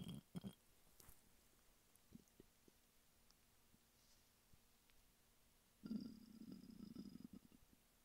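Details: Adult man lying flat on his bed: hunger stomach rumbling with quiet gurgles and a longer bubbling rumble near the end; borborygmi, normal bowel sounds.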